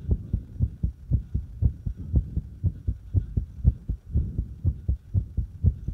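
Rapid heartbeat, roughly 120 a minute, with beats coming at uneven intervals; a fast irregular rhythm.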